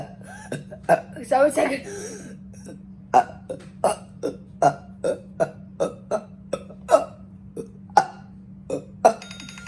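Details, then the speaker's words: Voluntary burps on command during a one-minute burping challenge (about 55 counted): a rapid string of deliberate, voiced burps, about fifteen in under ten seconds, after a little laughter, with a steady hum; burping. "today i'm creating my own challenge called how much burps can you do in one minute got the timer right here and let's start"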